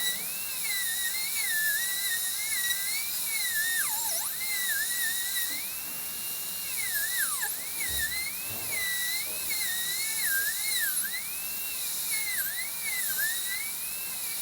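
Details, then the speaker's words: Dental high-speed handpiece cutting the distal axial wall at the gingival third during an all-ceramic crown preparation (rounded shoulder) on tooth #9: high-pitched whine rising and dipping in pitch as the bur cuts tooth. "i'm gonna go ahead and break on through with this uh distal axial wall just to get that depth"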